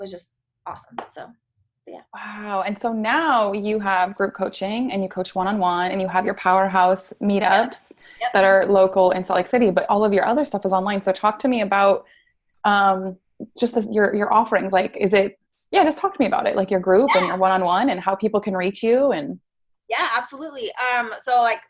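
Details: Adult woman speaking; typical speech.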